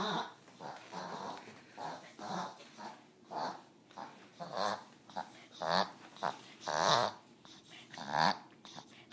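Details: Shih Tzu dog having one of two or three episodes that day with coughing, wheezing, trembling, maybe hiccuping; repeated rhythmic wheezy, snorting breaths about 49 a minute; owner unsure if something caught in throat or nose, or asthma.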